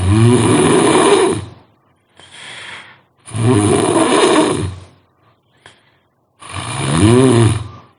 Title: Suara Ngorok Paling HORROR‼️